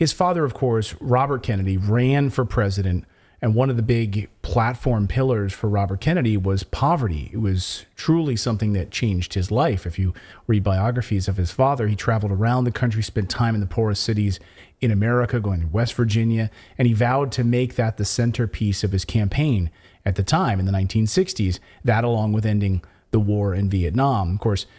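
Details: Adult male speaker; Normal speech.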